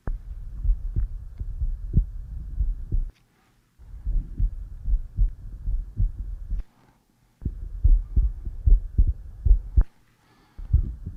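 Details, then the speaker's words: Stethoscope on the chest while the patient breathes normally: regular low heartbeat thumps at about 76 a minute: normal heart sounds. "okay now just breathe normally I'm going to listen to your heart now"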